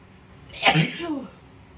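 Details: Adult woman with a viral illness and a blocked nose in the morning, sneezing on purpose to clear it: a single forceful, wet, congested sneeze with a voiced trailing exhale; congested sneeze.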